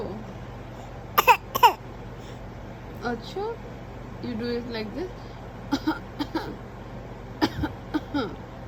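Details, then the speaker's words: 4-month-old baby fake coughing: short, soft deliberate cough sounds between babbling vocalizations, a playful imitation cough, with adults laughing. "huh how do you do that how do you fake cough huh like this"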